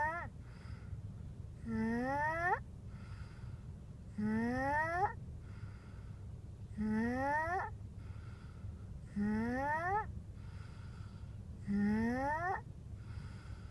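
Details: Regular rising, whistling squeaks on each breath, about 24 a minute, over steady room noise, from a sleeping subject; snoring.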